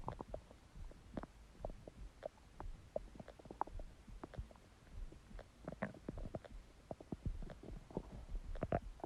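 Frequent gurgling pops and rumbles from an empty stomach, ordinary bowel sounds of hunger.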